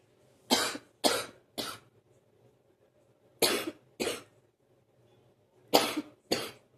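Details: Seven forceful coughs in three short bouts, three, then two, then two, with quiet between; recurring morning cough that brings something up for about 45 minutes, then resolves; productive morning cough.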